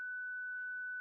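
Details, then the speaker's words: Steady, unbroken mid-pitched tone as a Zenix defibrillator/monitor charges during a 30 J energy delivery self-test with external paddles, the shock LED on the apex paddle lit; defibrillator charging tone. "Verify that Xenox charges, a constant tone sounds, and the shock LED on the Apex paddle illuminates."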